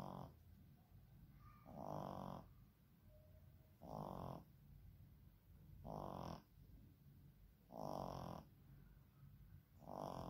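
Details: Young child snoring, from an old childhood video: soft, regular snuffling snores about every two seconds, roughly 30 breaths a minute, over faint room noise; ordinary snoring during sleep.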